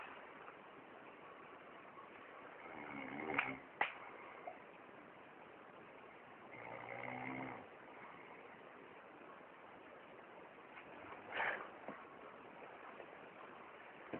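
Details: Snoring recorded in Hermosillo, Sonora, in 2018: rough, rattling breathing sounds with a few sharp clicks over a steady hiss, recurring about every four seconds.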